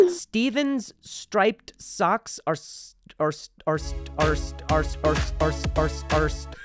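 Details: Adult male stand-up comedian who stutters and is in speech therapy attempts a tongue twister from his therapist's exercise list and blocks on a word; stuttering.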